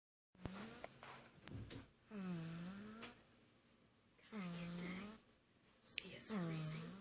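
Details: Soft snoring on each breath from a sleeping baby, with a whistling nasal tone, about three breaths in seven seconds.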